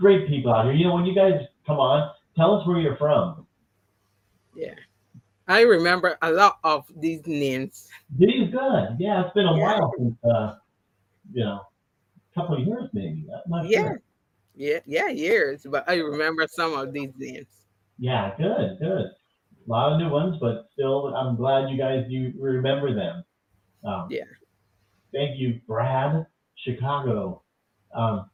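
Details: Adult speaker; ordinary speech.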